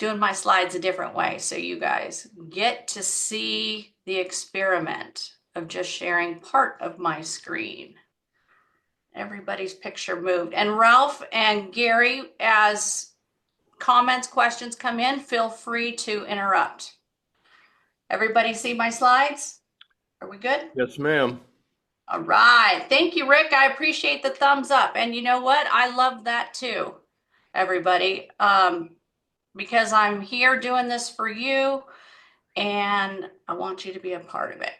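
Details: Adult woman speaking; ordinary speech.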